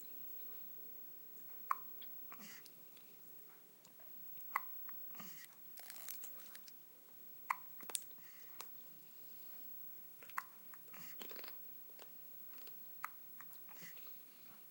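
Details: Very young subject with hiccups: faint, sharp little hiccups repeating irregularly, about 20 a minute, among soft clicking and chewing-like noises.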